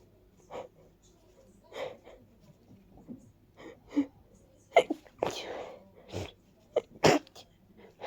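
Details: Person with a stuffy head cold sneezing into tissues: a few sharp, explosive, partly muffled sneezes among quieter sniffs and breaths.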